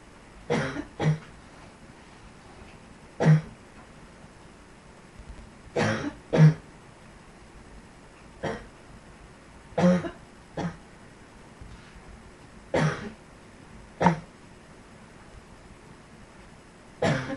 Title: Yet Another Cough